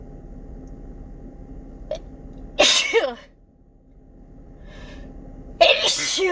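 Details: Morning sneezing fit, possibly from fall allergies: two loud, explosive sneezes a few seconds apart, each a sharp breathy burst, quiet room noise between.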